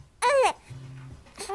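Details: Young infant, said to have a cough and not yet controlling his arms, gives a brief, high, wavering cry followed by low fussing in a quiet room; infant cry.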